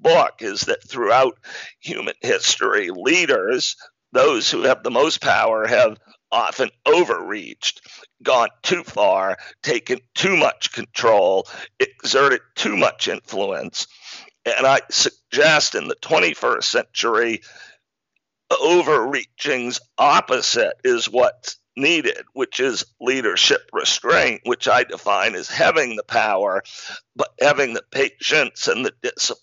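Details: Adult man with spasmodic dysphonia, a rare neurological speaking disorder causing partial voice loss, with onset around 2010 and diagnosis in 2012; much improved over a decade but still present; spasmodic dysphonia.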